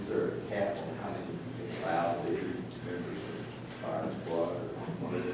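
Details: Adult male speaker in a meeting room; normal speech.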